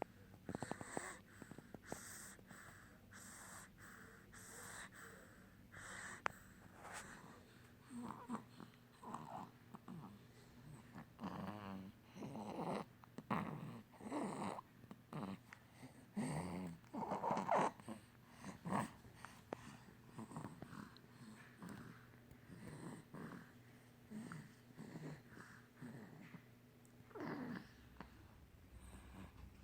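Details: Sleeping infant boy, aged 2 to 7 months, breathes noisily with soft snoring and snorting sounds over steady room hum.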